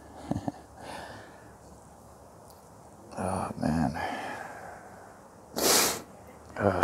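Brief sniffs and snorts followed by a single sharp sneeze, with a sniff at the end; fits nasal and sinus congestion.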